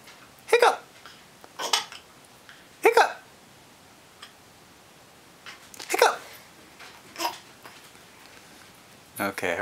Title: Hiccups are funny